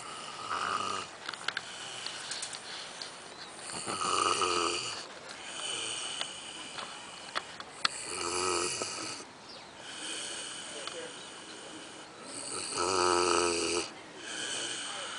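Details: Fat Kune Kune pig snoring while asleep at a nature reserve: rough, rattling snores recurring every few seconds, with snorting breaths in between; some room noise.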